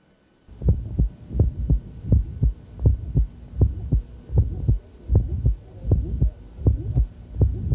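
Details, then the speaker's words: Hypertrophic cardiomyopathy in a male patient during the Valsalva strain phase: regular heartbeat near 80 a minute with a rough systolic murmur that intensifies on straining and diminishes on release. "now with valsalva maneuver we're going to do the same thing in the strain phase of our salvo we're going to stop blood from coming back to the heart so the hearts going to operate at a lower volume were more likely to obstruct and leak"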